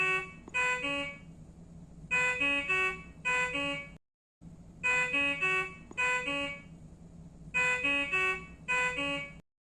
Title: Alarm ringing sound effects - Infus Pump error alert